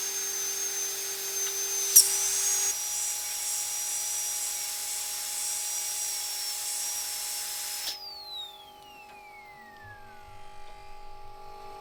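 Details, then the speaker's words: Dental drill with a round bur on a surgical extraction training simulator: high-pitched steady whine, then spinning down, while removing a small window of inter-radicular bone to lift the tooth out. "I will now remove a small window of bone here from that central piece of bone that used to be in between those two tooth roots. And that gives us the space that we need to lift that tooth out carefully and surgically. So I'm switching again to a round bur."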